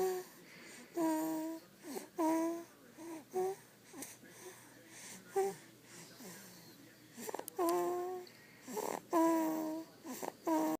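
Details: Infant napping on her mother: short, high, squeaky whistling sounds irregularly with breaths during sleep; soft wheezy baby snore.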